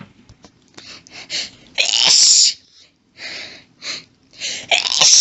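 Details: A woman has a sneezing fit while reading aloud: a rapid series of about six hissing, forceful sneezes with hitching breaths between them. She says the sneezes grew intense and violent, though her voice records louder than the sneezes.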